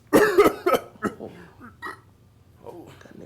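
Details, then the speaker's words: An adult acting a restaurant worker gives about four harsh, forceful coughs in quick succession then quieter throat sounds, in a comedy sketch: staged cough. "per you already found just a little cough uh number two no pickles you sound a little sick oh no you sure you're all right man"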